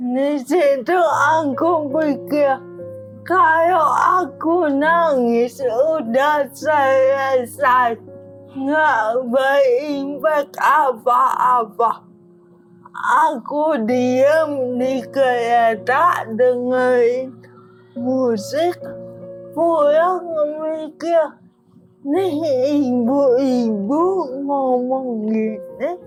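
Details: Dysarthria in a young woman with cerebral palsy from oxygen deprivation at birth in 1998, diagnosed at age 1; a motor disorder from brain damage affecting gross and fine motor skills, not thinking; she has had speech therapy.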